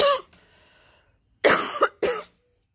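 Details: Cough.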